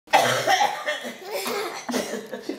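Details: 10-month-old baby girl makes about three short, voiced cough-like bursts, playfully imitating her grandmother's cough; imitated cough.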